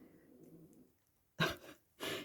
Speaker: you can hear my dog snoring she's fast asleep